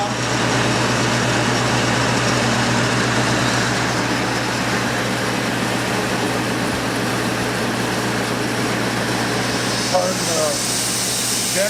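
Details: Loud, steady mechanical drone with a low hum from a portable oxygen generator's air compressor during start-up in a training demonstration, with alarms bypassed while oxygen purity builds toward 93%; air compressor running.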